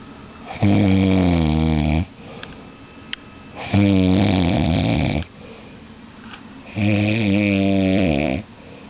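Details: A sleeping person snores loudly: three rough, buzzing snores on the in-breath, each about 1.5 seconds, roughly 19 per minute, with quiet breathing between them.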